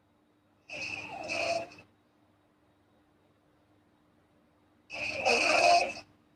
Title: snoring girl asmr4